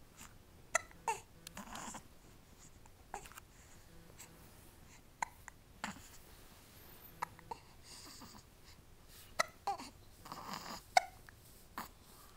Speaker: Feel better, baby? No? How does it feel to have the hiccups, baby?